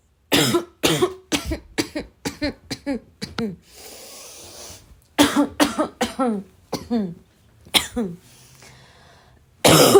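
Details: Runs of sharp, harsh, dry coughs, about a dozen, with short breathy pauses, amid throat clearing and snorts; a repeated barking cough.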